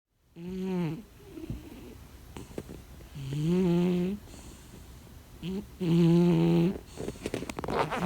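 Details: Cat snoring: loud, buzzing snores on each in-breath, about every two and a half seconds, with quieter breaths between; snoring.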